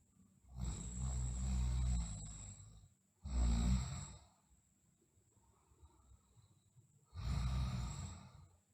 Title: Sleeping Girl Snoring